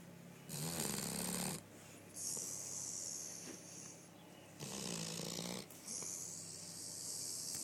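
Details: Coonhound dog snoring: soft, rhythmic snores with a low rumbling in-breath and hissing out-breath, about two cycles in eight seconds.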